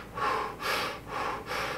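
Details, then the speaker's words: A veterinarian imitates a cat with asthma breathing too fast (tachypnea): quick, airy breaths in rapid succession, with a chest moving faster and more regularly than normal. "much quicker and more regular than normal some owners may notice panting but the cats open their mouth and cats really shouldn't pants so increased respiration and panting can be symptoms of asthma"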